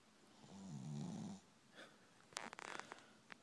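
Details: Dog asleep: one drawn-out snoring breath followed by rustling and small clicks; loud ordinary snoring.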